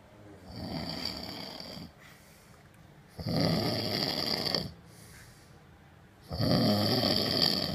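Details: Loud, rough, fluttering snores on breathing in, about 8 per minute, with quiet breathing out between them. Snoring recorded on an iPhone after a hard night out in Tel Aviv, March 2015.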